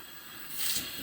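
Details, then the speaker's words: Steady hiss of gas flow swelling as a CPAP unit is connected to the mask, starting automatically without being switched on; prehospital CPAP demonstration for exacerbated COPD or CHF patients on home oxygen. "I didn't have to turn this on. As soon as you connect to it, it starts."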